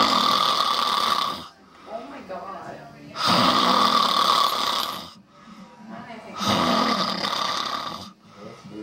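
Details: Adult man snoring heavily: loud, harsh, rattling snores about every three seconds, with quieter breaths between them.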